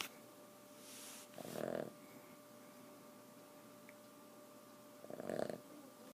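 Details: Four-year-old Boston terrier snoring while asleep, keeping owners awake: two short snorting, rattling breaths about four seconds apart over a steady background hum.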